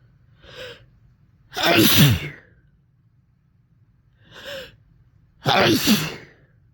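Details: Adult, possibly sick with a cold; two sneezes, each after a quick drawn-in breath, then a sharp explosive burst.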